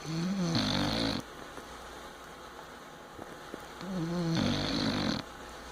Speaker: Dog is snoring.